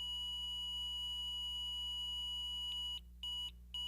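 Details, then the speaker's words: ZOLL M Series defibrillator after a shock: a continuous tone for 10 seconds, then intermittent beeping for 5 seconds. The shock must be delivered within this 15-second interval or the unit disarms. "a continuous tone will sound for 10 seconds followed by an intermittent beeping for 5 seconds"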